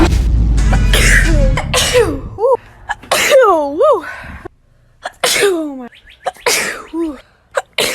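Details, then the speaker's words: Allergy-season sneezing: several sharp sneeze bursts from a person with itchy eyes and nose, watering puffy eyes, over excited voices and background music. "I keep sneezing eyes watering puffy like I want to feel normal bro like come on oh yeah brain man [ __ ] okay [Music] oh God another sneeze"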